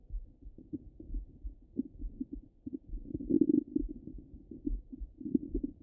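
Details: Stomach rumbling heard through a stethoscope: low muffled gurgles and irregular rumbling bursts, typical active bowel sounds.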